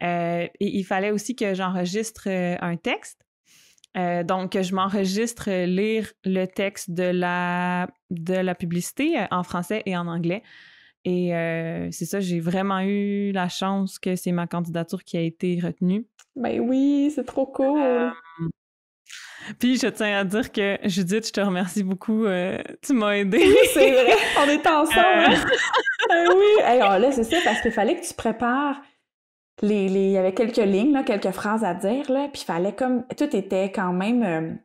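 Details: Stuttering in an adult woman who stutters and is a master's candidate in speech-language pathology, speaking in French.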